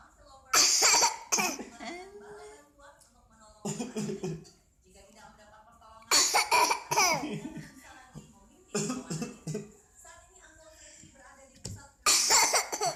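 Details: Infant coughing: several short coughing bursts with soft vocal sounds between them; a plain infant cough.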